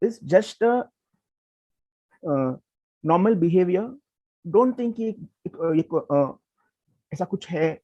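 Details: Speech of a person who stammers, hosting a series on people who stammer; stuttering.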